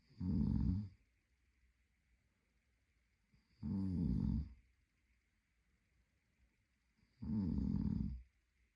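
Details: Adult male sleeping: rhythmic vibrating snores about 17 a minute with quiet pauses between; ordinary sleep snoring.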